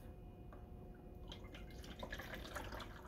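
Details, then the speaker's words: Sterile water poured into the water chamber of a bubble CPAP set up for special care nursery patients: soft trickling and dripping over room hum until water flows over to the other side, showing it is full. "as we're pouring it in we'll watch and we should see water flow over and there it is"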